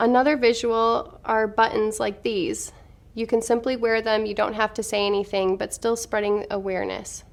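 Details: Adult woman speaking; normal speech.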